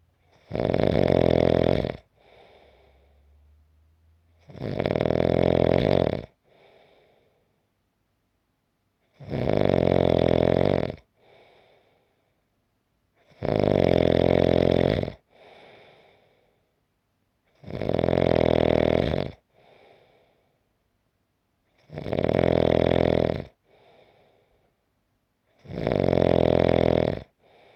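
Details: Loud, regular rattling snores on each in-breath, about 14 breaths a minute, with quiet out-breaths between; snoring.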